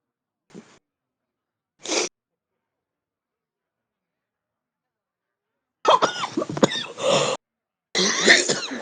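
Several harsh, wet-sounding cough bursts and throat clearing in a quiet room; a heavy smoker's chesty cough.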